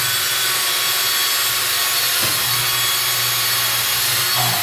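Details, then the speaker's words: Loud, steady, hissing grind as a power drill with a three-fluted orthopaedic drill bit cuts polyethylene tubing at an angle, simulating angled bone drilling in a demonstration; orthopaedic power drill. "I'm going to take a leading competitor three footed drill bit and load it into the power device and I'm going to drill this piece of polyethylene at an angle"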